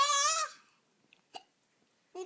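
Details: Little boy with hiccups saying "I love you" on the phone: a voiced child's utterance, then brief sharp catch-like hiccup sounds in the quiet gap.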